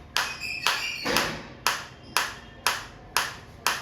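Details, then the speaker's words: Focused shockwave therapy applicator on the operator's own hand as intensity is stepped up from minimum through levels one to eight, sound and sensation changing; sharp, evenly spaced snapping pulses about two a second with brief ringing tails. "आएंगे one by one two three आप देख सकते हैं change sound में भी और मेरे को फील में भी आ [प्रशंसा] रहा है।"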